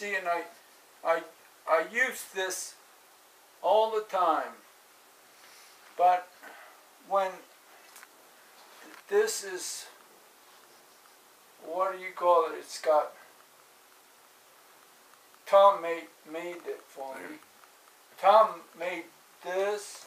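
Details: Adult man with aphasia after a stroke on 5-3-2007, recorded in 2016; aphasia.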